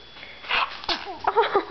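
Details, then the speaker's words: Infant about 7 weeks old: a quick intake of breath followed by a single small sneeze and soft voiced sounds; sneezing. "Uh-oh. Sneeze? Oh,"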